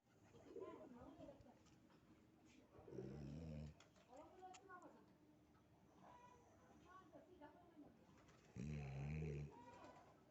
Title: My dog sleeps snoring🐶🦮❤